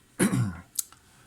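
A single low, voiced throat-clearing burst from an adult man, followed by a couple of faint clicks.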